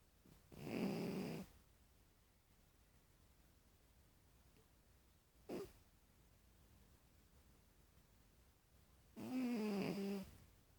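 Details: Person snoring.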